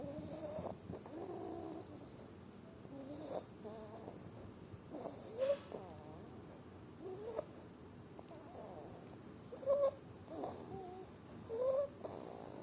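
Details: Infant, day 163, with bilateral vocal cord paralysis: loud, harsh, high-pitched noisy breaths; stridor.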